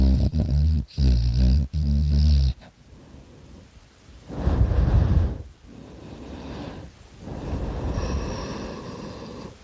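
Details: Snoring during sleep: loud, low snuffling snore bursts, then softer rumbling breaths.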